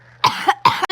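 Two quick harsh coughs in a row, part of a longer coughing fit.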